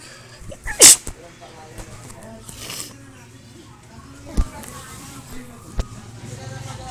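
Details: A single loud, sharp sneeze near the start, during someone singing a song, followed by quiet room noise and a few soft clicks.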